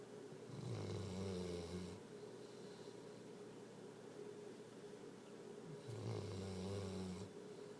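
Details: Sleeper in a quiet small room: two long, low, rattling snores on the in-breath, about eight breaths a minute; snoring.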